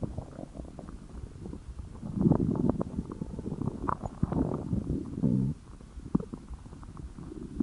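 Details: Stomach growling (borborygmi), attributed to hunger.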